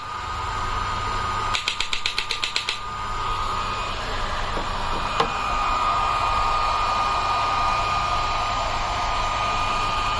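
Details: Electromagnetic shockwave therapy handpiece firing about eight sharp clicking pulses over a steady machine hum, during a demonstration after selecting a treatment module and energy (up to 200 mJ) on a touch-screen physiotherapy/ED device.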